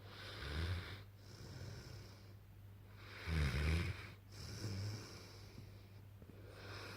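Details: Sleeping St Bernard–mastiff cross puppy with tongue hanging out: low, rumbling breaths with soft snorts repeating throughout; snoring.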